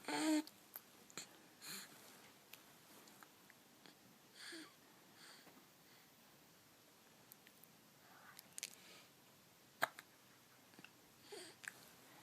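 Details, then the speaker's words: Short, abrupt hiccups recurring every few seconds in a quiet room, about five in twelve seconds. "have some hiccups?"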